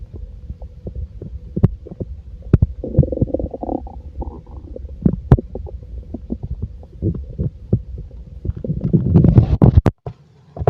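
Irregular gurgling and rumbling from the belly with soft pops and a longer gurgle near the end; ordinary bowel sounds of a full stomach.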